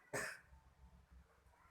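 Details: Acted demonstration of one short, forceful effective cough, then quiet room noise, during chest physiotherapy with effective-cough teaching by a nurse; a child plays the patient in place of an adult; sputum is collected in a sputum pot.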